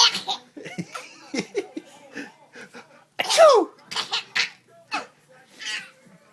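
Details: Adult's fake, imitated sneezes, not real sneezing, mixed with a young child's laughter as the child finds them funny.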